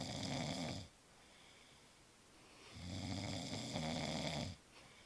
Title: Snoring Husband!!